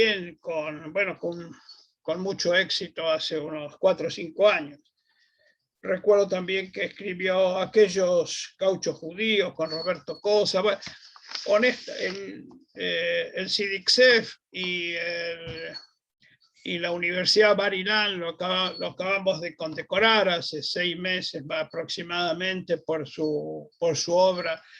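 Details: Adult speaker; normal voice.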